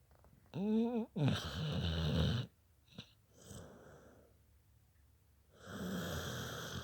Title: Little bit snoring